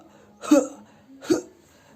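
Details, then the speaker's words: Two short, forceful, breathy 'huh' bursts deliberately demonstrated after 4–5 deep breaths (in through nose, out through mouth), shoulders raised and chest relaxed; huff cough, an effective-cough technique for clearing phlegm in patients with breathing problems. "angkat bahu dan dada dilonggarkan staf batukan dengan kuat atau setengah sepuluhan Oh gitu ya teman-teman jadi keluarkan dahak dengan bunyi hahaha atau uh atau misalnya"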